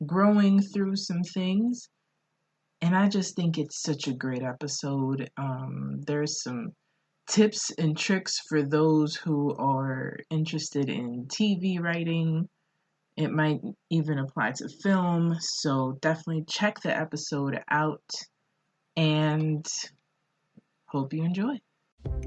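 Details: Adult speaker; normal speech.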